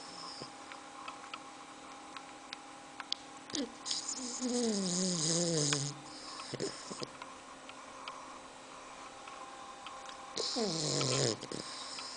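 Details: Two-month-and-three-week-old bulldog puppy snoring while asleep: irregular noisy breaths with whistling, squeaky snorts and sniffs, noisy upper-airway breathing.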